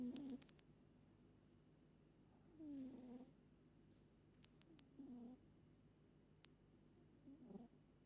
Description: Pet cat moli sleep all night and everytime she sleeps, she snors hard .